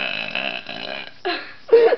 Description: Crazy Burping! Wow!